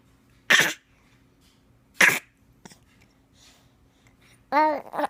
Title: Baby Learns to Fake Cough